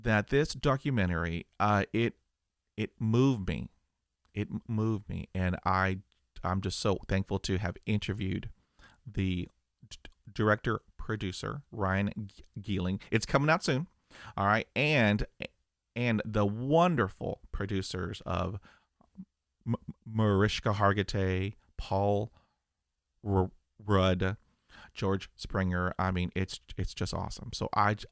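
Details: 50-year-old man who has stuttered for 45 years, with 20 years of speech therapy; reports blocks with eye closing and arm movements; stuttering.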